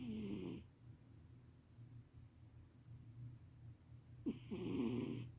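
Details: Sleeping cat snoring loudly: two rattling snores, one at the start and one near the end, with quiet breathing between; the cat wakes up and immediately goes back to sleep.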